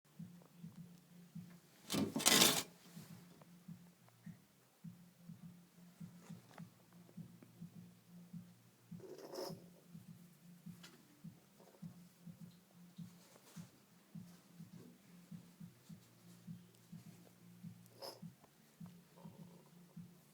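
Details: Female bearded dragon, sharing a tank with another female that headbobs at her, makes a sharp, raspy cough-like or growl-like huff, then two fainter ones, over a steady low equipment hum.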